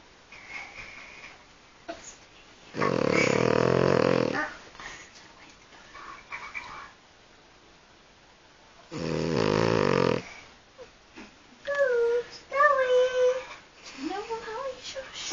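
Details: A sleeping pet dog gives loud, rattling snores about every six seconds, followed by a few soft whimpering squeaks: dog snoring.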